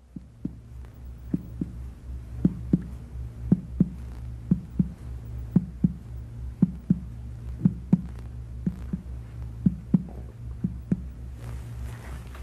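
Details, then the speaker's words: Finger percussion on a healthy patient in the right midclavicular line, moving up from tympany below the liver to the dull note at its lower border; normal liver span of about 7 cm. "percuss the span of liver dullness in the right mid clavicular line from an area of timpani well below the expected liver percuss up to the lower border of liver"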